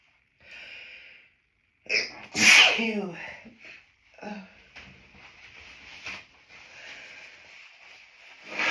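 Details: Adult with hay fever, nose intensely tickling on a sunny day, recorded in a toilet cubicle after stifling sneezes; sniffing, hitching breaths around a forceful sneeze, then sniffs and gasps: repeated allergic sneezing.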